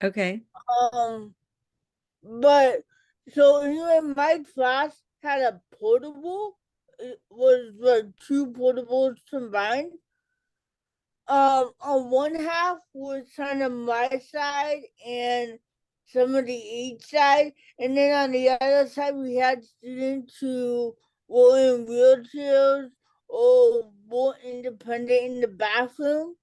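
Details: Adult female educator and author with cerebral palsy and an early speech delay; dysarthria (cerebral palsy).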